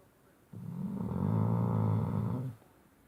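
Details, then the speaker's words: Loud, rattling snore lasting about two seconds from a sleeping Shar Pei dog on a bed at night; ordinary snoring. "heard you snoring. Stop snoring."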